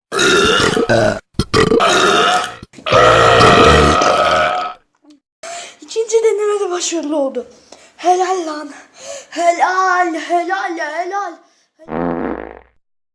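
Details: Burping challenge: a run of loud, long, voiced belches, some drawn out with rising and falling pitch, with brief pauses between them; burping.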